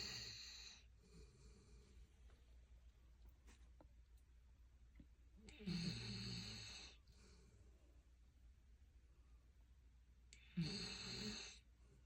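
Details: Sleeping silver Labrador snoring like a human: slow, loud, rattling inhalations about every five seconds, with quiet pauses between, in a quiet room.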